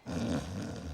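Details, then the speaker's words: Snoring heard from homes in the suburbs of Zurich, Switzerland, in winter; snoring so loud it disturbs neighbours. "hidden deep beneath the snow-capped roofs their lurks the sound of snoring"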